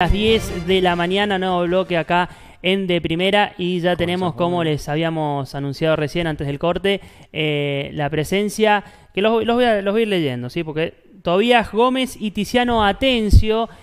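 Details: Adult broadcast host; fluent speech.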